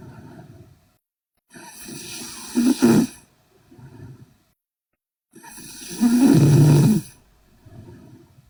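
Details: Sleeping Korean girl snoring heavily: loud, rough snores on each breath in, with quiet breaths out between them, about 16 breaths a minute.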